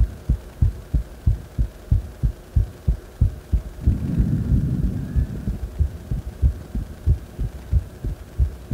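Regular thudding heartbeat at about 90 beats a minute after deep squats, briefly masked by rustling noise, a normal raised rate after exercise.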